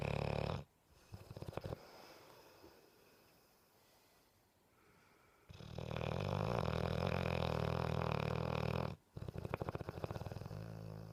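Very loud, deep, rumbling snores, one long sustained snore with short quieter ones around it. Heavy snoring in a sleeping large dog.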